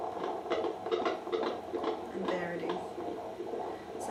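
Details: Antenatal check with abdominal palpation and fetal heart rate monitoring: rapid, regular whooshing pulses from a handheld Doppler, about 140 a minute, with faint room hum; normal fetal heartbeat.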